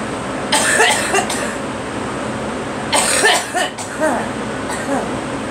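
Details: Repeated coughing from a girl in bursts of a few coughs with pauses between, over steady background rumble; cough.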